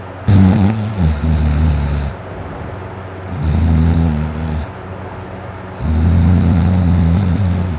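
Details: Adult male's deep snoring during sleep; throat was very dry and sore before sleeping, so it may be quieter than usual. Loud, deep, rumbling snores on long breaths, three in under eight seconds, with quieter rushing sounds between: snoring.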